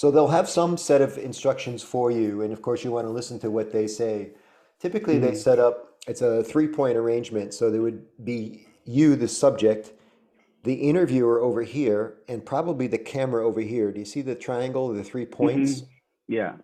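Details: Adult male speaker; Normal fluent speech.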